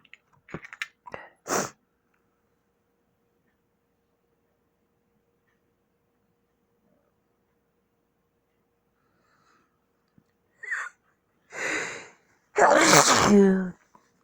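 A few short bursts, a long quiet pause, then a build-up breath and a loud explosive sneeze: sneezing.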